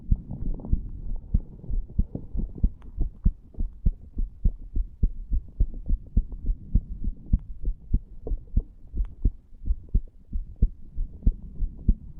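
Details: Self-recorded experiment: 34-year-old male lying on a bed, recording over the tricuspid area, after cigar nicotine and "green stuff". Clear, steady, strong paired low thuds at about 100 beats a minute, a rapid heart rate.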